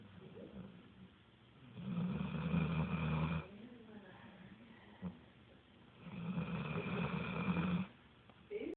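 Two deep, rumbling snores on breathing in, about 4 seconds apart, with quiet breathing out between; snoring at about 14 breaths a minute.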